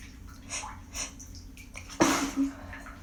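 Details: After holding back sneezes while stuffed up in a steamy room, a person takes a few short catching breaths, then gives one sharp explosive sneeze with a brief voiced tail over a fan-like hum.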